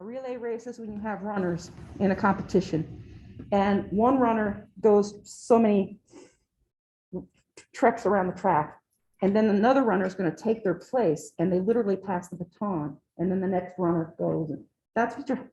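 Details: Adult woman lecturing; ordinary speech.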